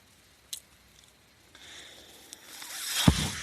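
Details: Mechanical ventilator breath cycle heard in the background as the ventilator user speaks.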